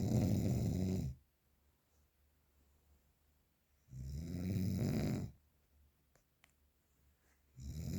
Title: The sound of snoring #7 very strong !